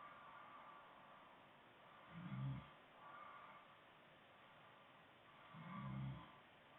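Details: Adult woman asleep: two low rumbling snores about 3.5 seconds apart over steady room hum, with quieter breaths between; ordinary snoring.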